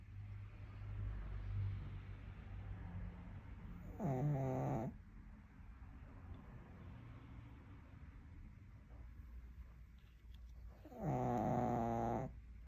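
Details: A pug, a small dog, sleeping and snoring: two loud rattling snores on the in-breath about seven seconds apart, with quiet breathing between.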